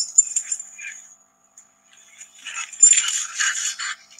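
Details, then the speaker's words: Normal panting in a small pug after a 3-minute exercise test, recorded during brachycephalic obstructive airway syndrome (BOAS) assessment. "So this is a little pug who's done a 3-minute exercise test."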